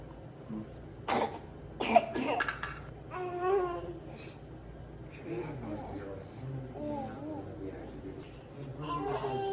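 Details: Young baby girl, very congested, coughing more when lying on her back: several short wet coughs, then fussy, congested-sounding vocal noises; infant cough with nasal congestion.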